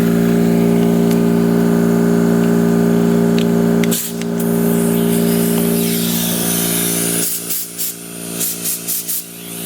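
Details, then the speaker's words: Dental air compressor running with a blower handpiece attached: steady motor hum followed by short hissing bursts of air from the blower; described as very quiet, hardly audible. "But you can see it's very quiet. Be very good for if you did have an in-the-house little shop or in the basement, if you wanted to paint bottles in, that kind of thing. Perfect. You can hardly hear the thing."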